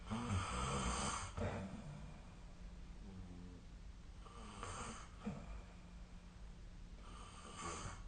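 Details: Nightly snoring recording from 2025/04/04, apparently made with the SnoreLab app: rough, rattling snores every few seconds, with quiet breathing between them and steady room noise during sleep.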